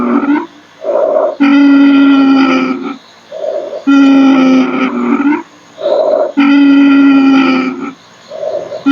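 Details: Loud musical, whistling sounds on each breath out, alternating with quieter breaths in, played as a nursing exam teaching example: expiratory wheeze.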